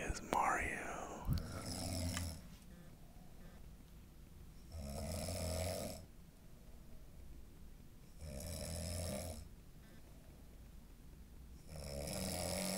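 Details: Loud rattling snores, each about a second long, every ~3.5 seconds during sleep; the snorer had deviated septum surgery and suspects it did not fix the problem.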